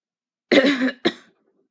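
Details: Two short coughs close together, the first longer and voiced, the second brief; a dry adult cough that heat triggered.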